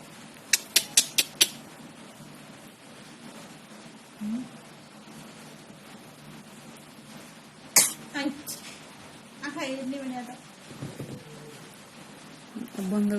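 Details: A young boy, the speaker's nephew, gives a sudden, sharp sneeze, with a quick run of short bursts earlier and soft vocal sounds afterward; ordinary sneezing.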